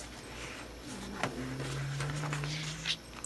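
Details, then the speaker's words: A cat snoring in the background: a low, steady droning snore under packaging rustles and a sharp click in a small room. "alright if you can hear my cat snoring back there"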